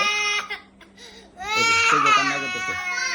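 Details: Young twin boy crying in loud wailing bursts with brief quieter pauses, because he wants to eat treats at night.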